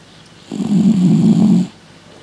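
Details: A single low, rumbling, buzzing breath lasting about a second from a cat, filmed after Christmas excesses: snoring.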